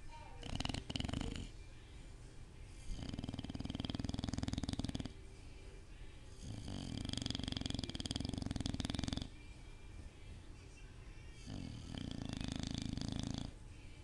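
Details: Three long, rough, rattling snores about every four seconds, with quieter breathing between them; ordinary snoring during sleep.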